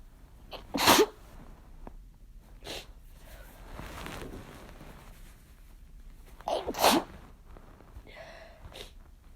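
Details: Sneezes set off by chhinkni: two strong, explosive sneezes, each with a sharp intake before the burst, with quiet breathing between them.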